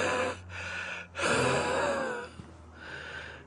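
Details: Noisy, labored breaths with a faint whistling wheeze in an adult 9/11 recovery worker who sorted debris by hand, uses three inhalers and about 20 pills daily, and is increasingly winded when talking.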